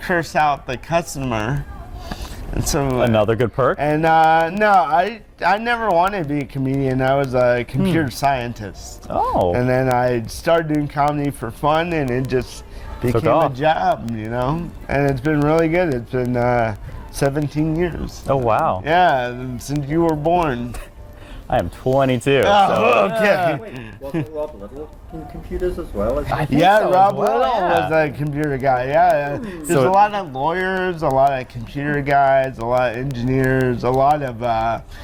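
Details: Dysarthria in an adult man born with cerebral palsy.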